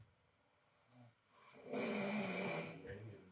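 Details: Snoring.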